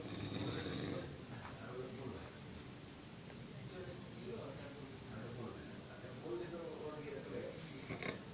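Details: Low, rough snoring breaths with hissing, whistly exhalations in a noisy room; ongoing loud snoring.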